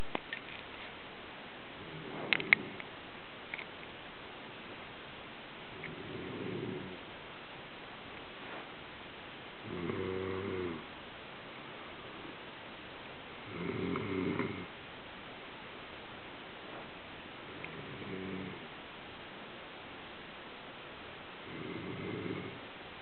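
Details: Soft, rumbling snores recurring steadily, about fifteen per minute, from a sleeping pet over a faint hiss, recorded with a camera's built-in audio recorder: snoring.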